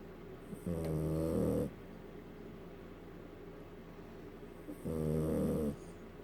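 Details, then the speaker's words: Small border terrier Maya sleeping, tired: two long, low, rumbling snores about four seconds apart with quiet breathing between; ordinary snoring in a sleeping dog. "Can a little thing like that snore? Snoring Maya."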